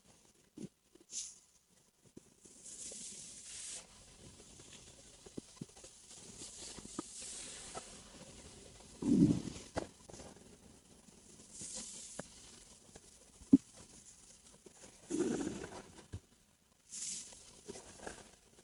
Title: Just my stomach rumbling after dinner while relaxing. #stomachrumbling